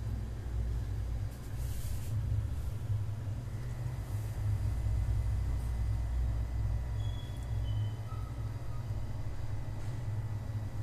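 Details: Omron HEM-8712 digital blood pressure monitor on a 6 V DC adaptor, user seated calmly with the cuff at heart level: low steady motor hum as the cuff automatically inflates and measures.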